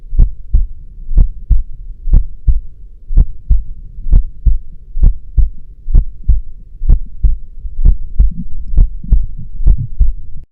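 Steady, regular paired lub-dub thumps, about 62 beats a minute, deep and booming: a normal heartbeat.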